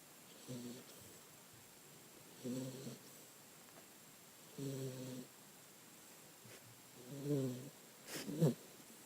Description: Our puppy Jaiku snoring.